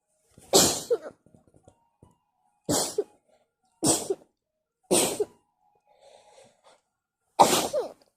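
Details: Five forceful, wet sneezes in quick succession; a wet, messy repeated sneezing fit.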